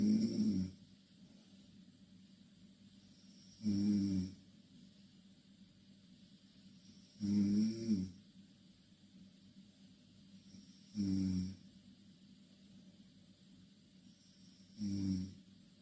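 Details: Two Korean girls snoring in the same bed: loud, rough snores about 16 times a minute, each under a second, with quiet pauses in between; snoring.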